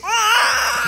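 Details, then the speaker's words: A newborn son gives a loud, high-pitched, sustained first cry right after a natural birth at 41 weeks. A planned home birth moved to hospital after meconium was found in the womb, and the cord was twice around his neck. "Guys, our son was born today, finally."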